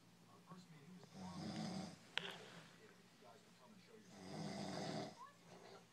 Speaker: fucking snoring, motherfucker. Shit. The fucking generator in the truck is fucking quieter than that.